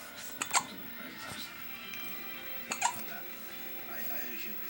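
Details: Hiccups recorded on day 14: two sharp, abrupt catches about two seconds apart over faint music and room sound; hiccups.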